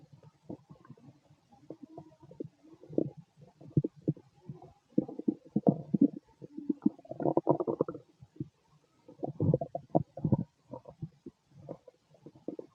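Soft, bubbling, crackly gurgles and low growls in irregular clusters: ordinary stomach growling as gas and fluid move through the bowel.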